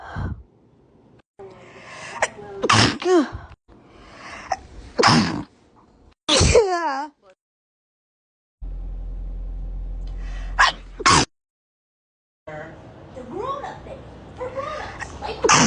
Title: Stifled sneeze compilation